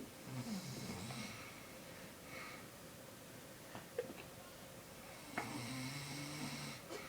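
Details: Man snoring during sleep: a few low, rattling snore sounds over steady room noise, with a faint click or two.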